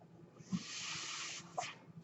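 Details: Podcast host's own mechanical ventilator heard in the background, a steady airy hiss of delivered breath followed by a softer puff; mechanical ventilator breath cycle.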